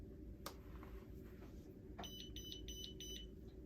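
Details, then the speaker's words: Zoll R Series defibrillator switched on after pads placed on the upper right and lower left chest: a quiet click then a short run of high electronic beeps over room hum, the power-on tone. "Once the Zoll pads are in place, we turn the selector switch on."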